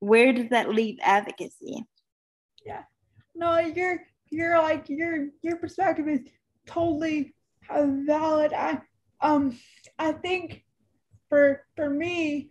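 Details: Adult woman, almost 32, with cerebral palsy who says talking is hard for her and that her disability shows as soon as she speaks: dysarthria (cerebral palsy).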